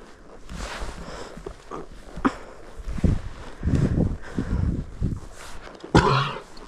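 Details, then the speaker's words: Several deep, harsh coughs from a horse outdoors, amid shuffling and hoof sounds; owner wonders if he has a cold or something stuck in his throat, coughs accompanied by new flatulence; horse cough. "Does he have a cold? I mean, he's in good spirits. The cough fart, that's new."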